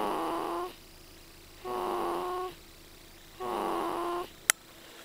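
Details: Sleeping subject snoring loudly: regular, loud, whistling-toned snores on each breath, about three in five seconds, with a short click at the end.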